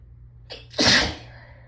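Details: Hay fever sneeze in someone who had felt it building all day, nose raw from rubbing: a catching intake of breath, then one sharp, hissing sneeze over faint room hum.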